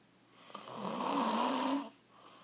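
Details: Husband's very loud snoring: one long, harsh, vibrating snore on an in-breath, with a buzzing, wheezy edge, in a quiet room.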